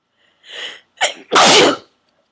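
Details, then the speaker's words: Forceful sneeze from a long run of 16–17 sneezes deliberately induced with a plastic garment tag holder: short in-breath, catch, then loud explosive burst; eyes streaming, nose raw and stuffy. "Ow. Sneezing so hard I'm literally crying."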